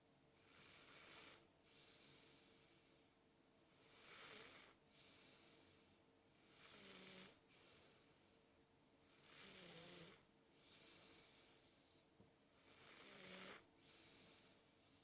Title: Snoring snuggle king!